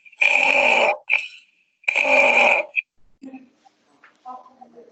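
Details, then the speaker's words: Stertorous snoring from nasopharyngeal obstruction (collapsing pharyngeal airway), with little chest interaction, in a child, presented in a lecture on neonatal laryngeal disorders. "so this is a king of snoring and the collapse of pairings or diesel obstruction it's not much of interaction in this particular chart"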